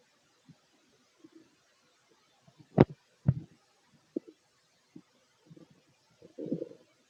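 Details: Fit adult male's stomach recorded while eating a plate of sandwiches: scattered low gurgles and brief irregular squelching pops from the abdomen, ordinary bowel sounds of digestion.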